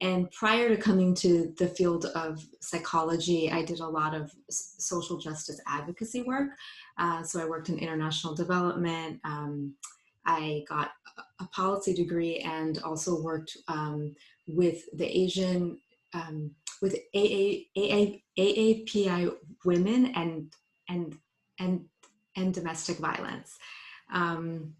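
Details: Woman, a psychologist, who identifies herself as a person who stutters, speaking spontaneously in English on a live panel. Stuttering.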